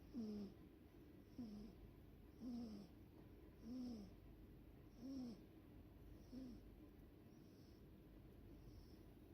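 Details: Sleeping cat in deep sleep: soft rhythmic snoring with a slight squeak on each breath, about 45 to 50 breaths a minute, under steady background hiss. Snoring.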